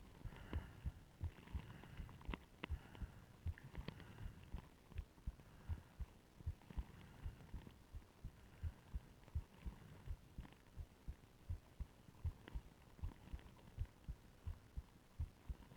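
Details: Self-recorded heart sounds via stethoscope, with ECG, during deliberate breath-holding using a plastic bag and pillow: muffled beats about 80/min with rubbing; tachycardia first, then slowing below 50/min.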